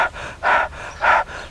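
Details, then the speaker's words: Deliberate hyperventilation demonstrated as exposure practice for panic sensations, about 10 seconds: quick, forceful, gasping breaths roughly two a second. "they can play with the sensations of panic by intentionally hyperventilating and you can even do it for 10 seconds to get a feel and then start feeling a little funny and go straight to diaphragmatic breathing"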